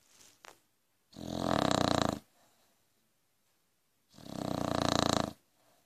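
Two loud, rumbling snores about three seconds apart, each a long rattling inward breath with quiet between; typical snoring of a short-nosed dog.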